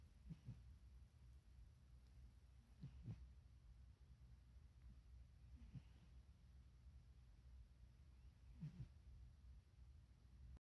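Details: Faint, low snorting bursts about every three seconds with each breath from an awake dog, Inigo: snoring-like noise while awake.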